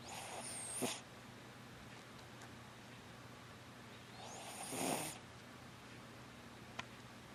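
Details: Dog snoring softly while sleeping: two soft, slow snoring breaths about four seconds apart in a quiet room; gentle snoring.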